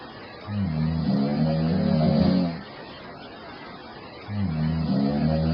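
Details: Sleeping woman snoring: two loud, low, rattling snores about two seconds long, separated by a quieter pause; ordinary snoring.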